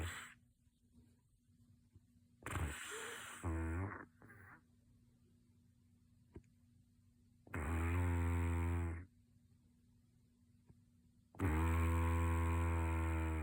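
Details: Two minutes of a sleeping person's snoring: loud, low, buzzing snores on breathing in about every four seconds, with quiet pauses between; ordinary heavy snoring.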